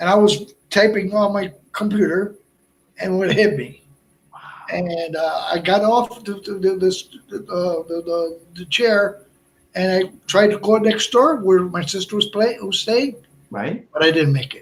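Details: Man with Broca's aphasia from a stroke on March 22, 2011, more than 8 years post-stroke; also a heart transplant recipient.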